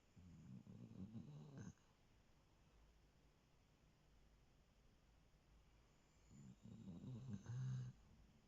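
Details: Basil, a sproodle dog, asleep on the owner's lap, making two low, rumbling, fluttering breaths with quiet between them; soft snoring.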